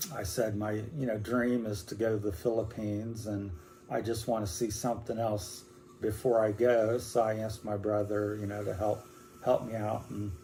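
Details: 60-year-old man with Parkinson's disease beginning about four or five years ago, first in the legs, now affecting whole body, speech and movement, with hand tremor: hypokinetic dysarthria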